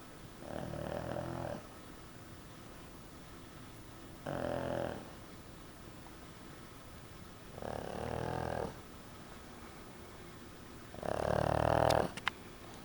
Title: Hank The Snoring Pug